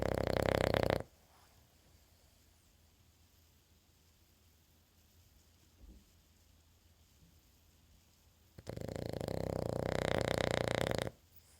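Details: Digger sleeping: two loud, rough, rattling snores about eight seconds apart with near silence between, in a quiet room; snoring.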